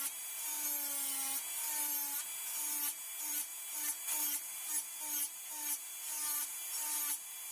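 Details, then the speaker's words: Dental high-speed handpiece on a typodont mandibular first molar (#36), full veneer crown preparation, distal slope reduction of a buccal cusp: high-pitched whine dipping in pitch in short cutting bursts. "Completed the mesial slope. Now going ahead and preparing the distal slope."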